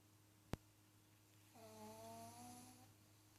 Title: Pug snoring, X-mass edition